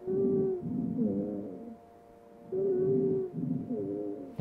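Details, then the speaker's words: Simulated adult male asthma patient in a virtual-reality paramedic scenario, auscultated with a stethoscope over the back at the lower lobes: musical inspiratory and expiratory wheezes, the expiratory wheeze low and grunting as air is pushed out. "really amazing about this is that this gentleman has inspiratory and expiratory wheezes but those expiratory wheezes are kind of grunting right like i can hear"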